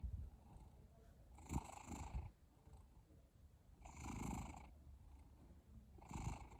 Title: Cat snoring (HD)